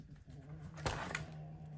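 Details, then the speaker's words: A dog asleep and dreaming gives a low, steady rumbling snore with a brief snort partway through, in a quiet room; snoring. "Oh my god, my dog is snoring next to us. Can you guys hear that? She's having a little dream."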